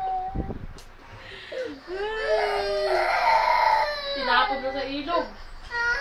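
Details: Infant crying after the phone with a video of Daniel Padilla was taken away: rising, wailing cry with sobbing breaks and a few whimpers, loud and tearful; upset infant crying.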